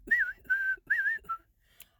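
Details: A series of short, clear whistles interrupting speech, a whistling vocal tic in a university student with Tourette syndrome.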